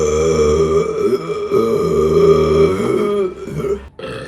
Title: Burping Compilation December #3 |